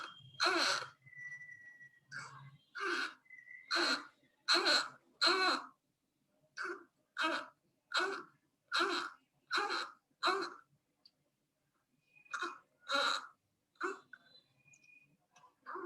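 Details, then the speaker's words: Newborn with tachypnea, retractions, subtle nasal flaring and flaccid tone makes short voiced grunts with each rapid breath out: expiratory grunting. "see see if you can see the um the retractions you're going to hear the grunting um and try to look and see if there's nasal that nasal flaring"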